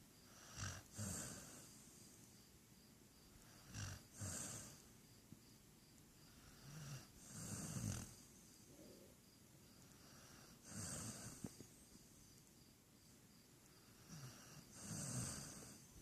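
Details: Snoring: rough, low snores recurring with each breath, about 19 a minute and somewhat irregular, with soft snorts between.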